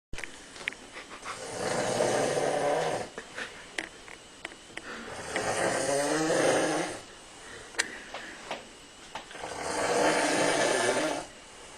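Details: Male sleeper wearing a hat snores: three loud, rough snores with slow breaths at about 15 a minute; plain snoring.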